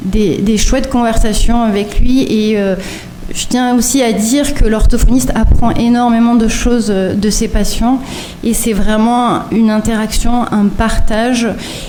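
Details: Adult woman speaking French; normal speech.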